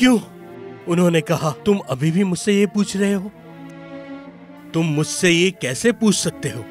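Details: Adult male speaker; normal speech.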